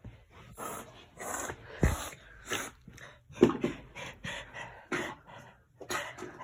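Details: Cough.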